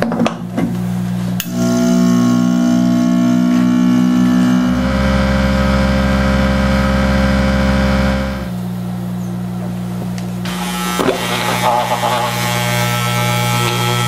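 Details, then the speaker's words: Loud steady motor hum and whine with pitch shifts from a dental lab vacuum mixer blending die stone with water for model fabrication. "pour in the appropriate amount of water supporting our stone and incorporate to get it started and vacuum"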